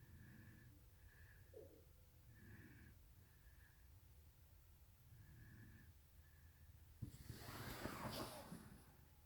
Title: Snoring!! 😍